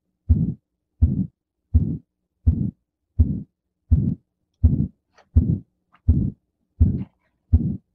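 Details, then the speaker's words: Thin elderly woman with hypertension, tachycardic irregular rhythm, elevated JVP, crackles and leg swelling: a rough, harsh crescendo-decrescendo systolic murmur obscuring S2, about 83 a minute, likely aortic stenosis. "this is another systolic former unlike the prior one um where it was kind of whole system at the same intensity all throughout in this particular case hopefully you can hear that it kind of has um a crespendo de crescendo character and there's obscuration of the s2"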